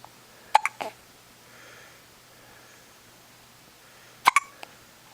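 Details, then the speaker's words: 10-day-old baby girl with hiccups: two short, abrupt, gulping hiccup bursts about four seconds apart, each with a small follow-on catch, in a quiet room; infant hiccups. "You got hiccups? Yeah, there's one. There's another hiccup. Poor girl."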